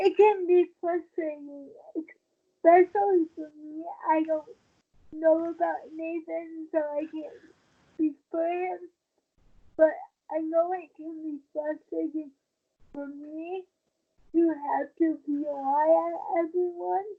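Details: Dysarthria in a 23-year-old woman with cerebral palsy since birth, born premature at 27 weeks, a more advanced form affecting the brain's balance center; wheelchair user who links prematurity to her speech instability.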